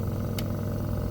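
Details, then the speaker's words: Steady low motor hum with a brief hiss from a Medpro suction machine just switched on during a demonstration; the pressure gauge reads zero before the tube is kinked to set the pressure. "so okay we are going to turn on the machine first so as we turn on the machine the reading is at zero because we have not adjusted the pressure yet"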